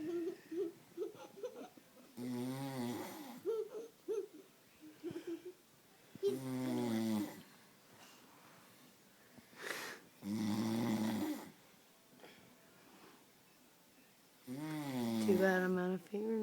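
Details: Loud, rattling heavy snores about every four seconds from a person asleep at a friend's house, with quiet talk and laughter between them.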